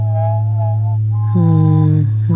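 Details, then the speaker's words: Recreation of left-ear tinnitus that began as a hum in South America, possibly from flying while congested or permanent hearing damage: a steady low hum with higher wavering tones layered on top, simulated tinnitus. "this is what it started with in South America it started with this hum in my left ear this is approximately the note that I hear in my left ear"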